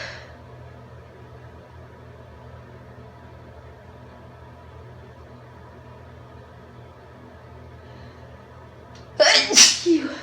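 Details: Induced sneeze from a female: quiet room, then one sudden loud burst with a trailing second burst at the end.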